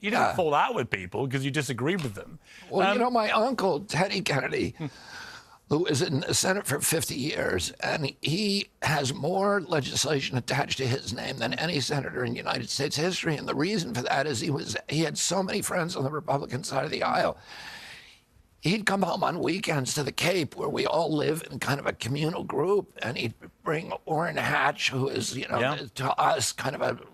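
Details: Adult man with spasmodic dysphonia: he reports a very strong voice until age 42, then a neurological disorder he calls spasmodic dystonia, caused by an injury in 1996, affecting his voice.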